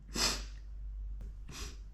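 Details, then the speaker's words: Simulated role-play of a male performer acting out a nasty cold: he announces "I'm gonna sneeze" and inhales, then gives two forceful, wet, spraying sneezes with a breath between them. "but it's ready I'm gonna sneeze I'm gonna sneeze take us off inhale"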